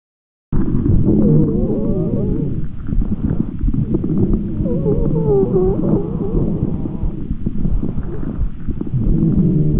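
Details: Respiratory auscultation teaching clip: stethoscope breathing with continuous low, moaning and rising musical sounds over the breath cycle. Adventitious breath sounds such as rhonchi or wheezes, as judged by at least 8 of 10 pulmonologists.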